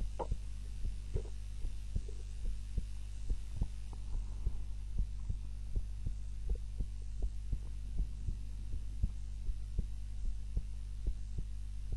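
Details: Normal resting heart sounds recorded during the recorder's own nap with a timer, lying supine (usually prone), steady regular soft heartbeat about 60 a minute over a low hum.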